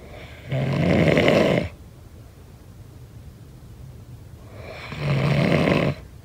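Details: Snoring: two loud, rough, rattling snores on the in-breath about four seconds apart, with quiet breathing between them.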